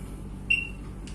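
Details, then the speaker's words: A single brief high beep over faint room hiss as an automated external defibrillator switches on, right after its battery is inserted and the lid opened in a review demonstration; AED power-on beep. "Nah langsung berbunyi dia. Ini karena di perusahaan aja jadi baterainya dilepas untuk menjaga keawetan baterainya."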